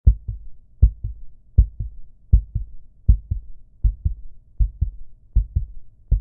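Regular paired low thumps of a heartbeat at about 79 beats a minute, steady rhythm.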